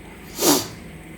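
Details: A single sharp, breathy sneeze from an adult man with a lingering head cold ("man flu"), heard during an ear wax removal session.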